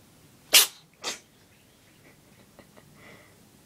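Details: A dog sneezing, two sharp explosive nasal bursts close together then quiet snuffling; owner suspects a cold or an allergy to cats.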